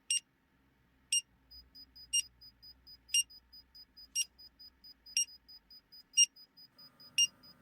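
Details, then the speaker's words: Woman with POTS as part of EDS, tachycardic, during a lying-to-standing blood pressure test: high electronic beeps about once a second, pulse oximeter alarm as oxygen saturation fell below 95 percent. "oxometer is beeping at me because my oxygen saturation fell below 95 and yeah that's another thing that happens when this is happening"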